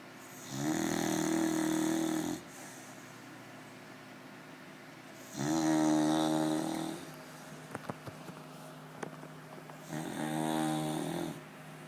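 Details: Beagle (Luna) snoring during an afternoon nap: rhythmic buzzy snores, three in about twelve seconds, with quiet pauses between breaths.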